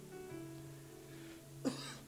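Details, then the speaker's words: Adult who lost his voice on Sunday, still hoarse with a cough he can't get rid of: a single short, sharp cough over a steady musical tone. "Por exemplo essa semana eu perdi a voz fiquei desde domingo ainda estou muito ruim minha voz tá tá voltando aos poucos essa tosse que não não sei mais o que fazer"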